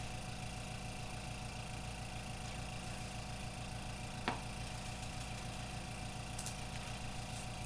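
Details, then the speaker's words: Steady low motor hum with a rhythmic pulsing throb as a nursing instructor tests the suction machine before tracheostomy suctioning on a mannequin, plus a brief click and rustle. "so I'm going to test the suction machine"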